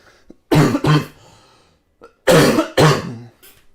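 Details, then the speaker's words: Adult cough that has lasted about two weeks and is now nearly over: two quick bouts of loud, harsh, partly voiced double coughs in a quiet room. "excuse me I've kind of got rid of the cough I know that sounds like I'm taking the piss when I've just said that there uh as I've just cough there"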